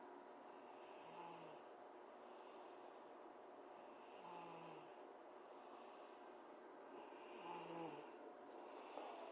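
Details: A girl asleep at 12:30 am gives three low, buzzing snores on inhalation, about 19 breaths a minute, over constant room hum.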